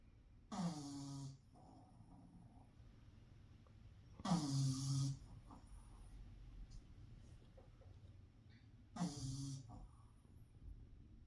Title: Pug Snore Sounds Louie The Pug